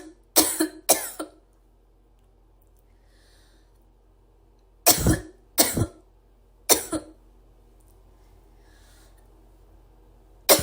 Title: my sister coughing 3